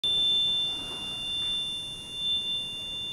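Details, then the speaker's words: Simulation of the constant tinnitus a man has lived with since about age 15, likely from long exposure to loud music: steady high-pitched whistling tones over faint room hiss, heard 24 hours a day, 7 days a week. "donc voilà ce que c'est le bruit des aquoufèes là vous entendez ce que j'entends 24 he sur 24 et 7 jours sur 7"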